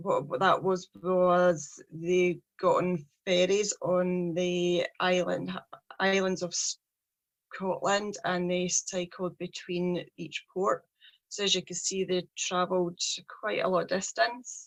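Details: 43-year-old woman who stammers, with a speech problem since age three; stuttering.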